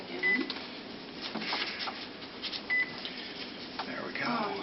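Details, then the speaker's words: Infusion pump paused alarm: two short, high electronic beeps over room noise signal the pump is still paused, during a sterile IV medication setup for a 34-year-old female patient. "it's just beeping at me let me know it's still paused and again this is a sterile procedure"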